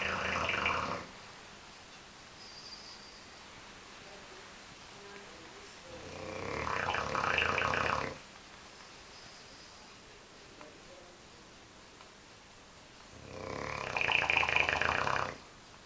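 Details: Bulldog snoring: loud, harsh, rasping snores about every six to seven seconds, with quieter breathing between; heavy flat-faced dog snoring.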